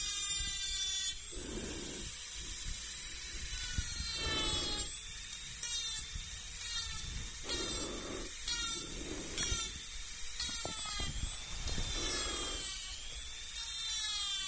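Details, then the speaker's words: Simulated teeth cleaning in a binaural, soft-spoken ASMR dentist roleplay, working on the front teeth: repeated high whining bursts from a small dental cleaning tool in a quiet room. "We're going to start with the cleaning. Okay, so please stay still. This won't hurt, so don't worry. Good. I'm going to remove all the dirt that are between your teeth."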